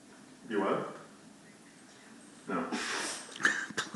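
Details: Sneezing: a brief nasal snort, a pause, then a sharper burst followed by quick nasal puffs.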